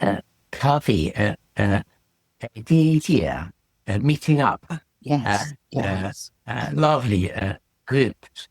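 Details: Expressive aphasia after a stroke in December 2018 in an adult woman who relearned speech in rehabilitation; she struggles to express ideas and complex sentences, but simple sentences are okay and comprehension is less affected.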